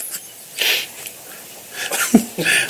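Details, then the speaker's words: Someone on a live radio talk show gives a sharp, hissing sneeze followed by a couple of short, forceful coughs in a quiet studio. "Oh, you all right? Ooh, a sneeze and a cough. How'd that work out?"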